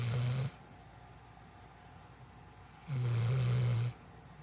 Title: just snoring away